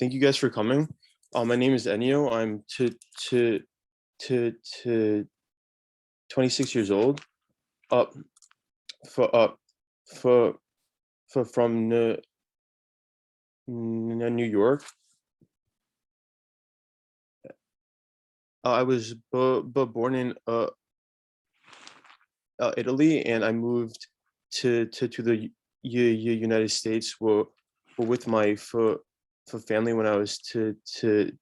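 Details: 26-year-old Italian-born man living in New York who stutters, with marked part-word and word repetitions and blocks, on a live panel of young people who stutter. Stuttering.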